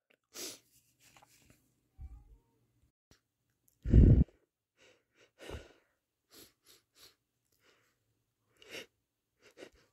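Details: Person, possibly male, sneezing: several short, explosive bursts of air between quiet pauses and softer breaths, one much louder than the rest; a series of sneezes.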